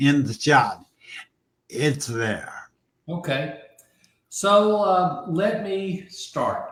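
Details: Aphasia following a stroke about 15 months earlier in an adult man; early on others could not understand him at all, and his vocabulary has since grown by over 20,000 words; aphasia.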